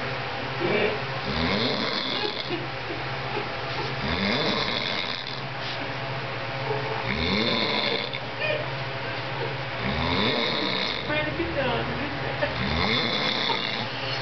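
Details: Heavy snoring after eating and drinking too much on Thanksgiving: loud, rattling snores, about 22 a minute, each with a raspy buzz on the breath.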